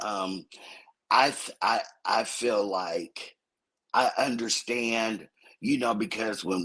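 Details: Adult woman whose vocal cord was accidentally injured during thyroid removal surgery; recent, with recovery expected over a couple of months; dysphonia from vocal cord injury after thyroid surgery.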